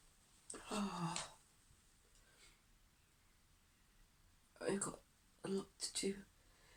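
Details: Female who can't stop sneezing: several sharp voiced bursts in quick succession after a pause, a run of repeated sneezes; sneezing fit.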